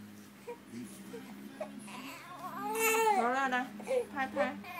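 Fussing that builds into a rising, wavering baby cry with short sobbing bursts; an ordinary infant cry.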